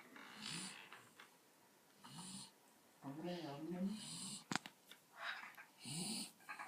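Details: A sleeping dog snoring: rhythmic, low, rattling breaths with a breathy hiss, recurring every couple of seconds.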